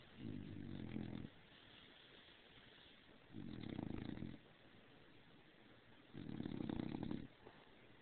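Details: Sleeping bulldog snoring after getting overheated sleeping under the covers, described as slightly louder than a cat purring: three low, buzzing snores about every three seconds, roughly 20 breaths a minute.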